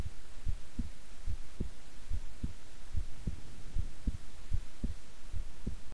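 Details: Own heartbeat recorded at length while keeping still and relaxed: steady, soft low thumps at about 73 beats a minute over a constant hum; normal resting heart sounds.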